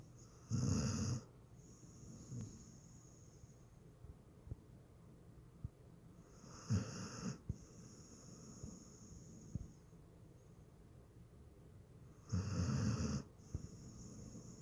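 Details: Three loud rasping snores about six seconds apart, with quiet breathing between, in a quiet room: ordinary snoring.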